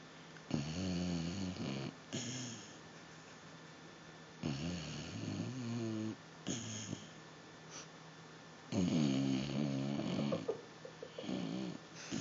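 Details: Basset Hound dog asleep and snoring: loud, rattling, buzzy snores repeating every few seconds in a quiet room.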